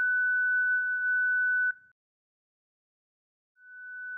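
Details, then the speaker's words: Zoll Zenix defibrillator/monitor in manual mode during an instructional synchronized cardioversion demonstration, sync markers on R-waves: a steady pure tone, silence, then the tone returning as the charged synchronized shock is delivered. "Next, press the charge button. Finally, press and hold to deliver the shock."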